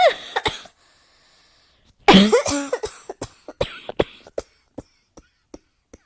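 A harsh cough burst, then a run of about a dozen short coughs fading in strength, in a quiet room.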